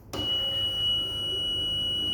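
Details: A click, then a steady high whine and hum as an Everflo oxygen concentrator is switched on and runs, after its humidifier water bottle and tubing are attached. Flow is set with a knob, maximum 5.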